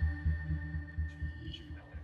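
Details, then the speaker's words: Fetal heartbeat on an obstetric ultrasound at a pregnancy check, amid worry after an earlier problem; the doctor confirms a heartbeat and says all is well. Rapid, regular whooshing low pulses, about 190 a minute. "all right look here's a heart it's got a heartbeat yeah so here oh my right there and there's the heart so we're good"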